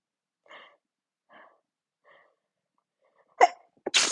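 Quiet breaths build up to a half-stifled sneeze, then a second sharper sneeze. The sneezes were deliberately induced.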